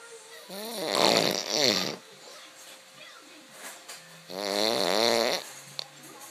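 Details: Two loud, wavering, whistling snores on breathing in, with quiet breaths between; snoring.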